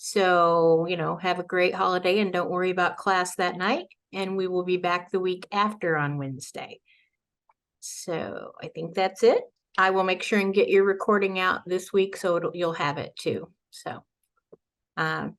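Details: Adult woman speaking; normal speech.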